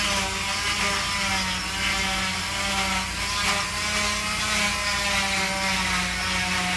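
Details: Oscillating cast saw with a continuous buzzing whine and gritty rasping as it cuts through a cast during removal after an ankle fracture treated with prolonged casting.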